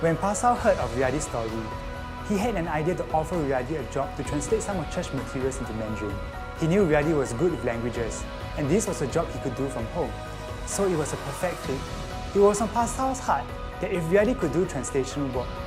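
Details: Adult narrator; ordinary fluent speech.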